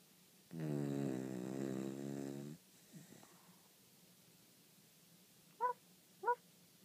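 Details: A sleeper snoring.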